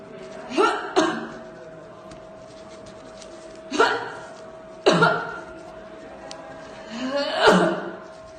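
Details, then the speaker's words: An adult woman with COVID-19, filmed by a doctor to show how a coronavirus cough differs from an ordinary cough: about six short, harsh coughs in clusters. "في موقع الفيسبوك فقد انتشر مقطع فيديو لإحدى المصابات بفيروس كورونا وهي تسعل، حيث تعمد الطبيب تصوير سعال المريضة حتى يتم تمييز سعال المريض المصاب بفيروس كورونا عن السعال العادي أو لنسميه السعال الموسمي."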